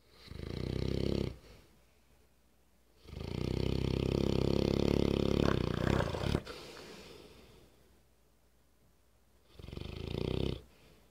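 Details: English Mastiff, awake, snoring very loudly; louder still when sleeping: loud, deep, rattling snores with each breath, long in-breaths and quiet pauses between.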